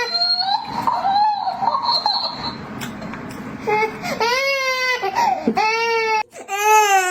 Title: Cutest Baby Crying 😭😭।। সৰু কেঁচুৱাৰ কান্দোন।।😭#youtube